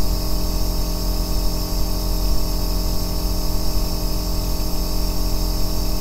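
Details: Steady deep motor hum with constant tone and faint hiss from an aerosol compressor nebulizer running continuously, recorded as a 2-hour ASMR white-noise track for sleep and relaxation.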